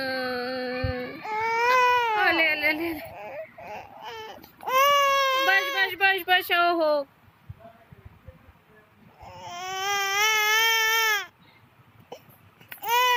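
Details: 7-month-old baby girl crying in long wailing bursts after hearing her mother's imitation (fake) crying, which is mixed in at times; infant crying.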